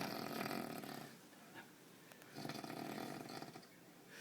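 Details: Ordinary snoring during sleep: two loud, harsh, rattling breaths with a quiet pause between them.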